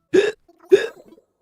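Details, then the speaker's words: A man on a live stream with persistent, recurring hiccups throughout the day: two short, sharp voiced hiccups about half a second apart with a faint breath between them, a double hiccup. "so sorry hiccups wow that's the first hiccup of the day wait that's not"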